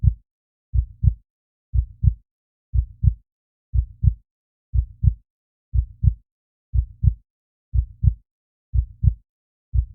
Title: 💚Heartbeat Sound - 30 Minutes of calm heartbeat sound